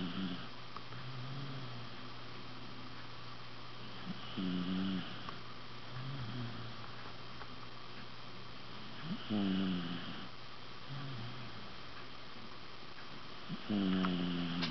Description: 14 year old Wire Fox Terrier snoring